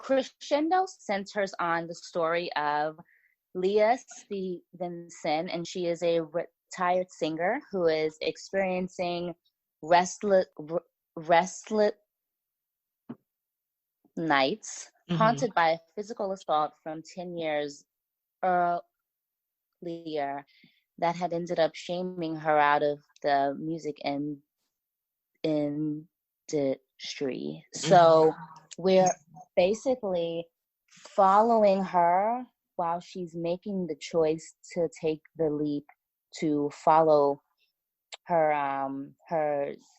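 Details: Stuttering in an adult woman writer who says she has a stutter that listeners may hear.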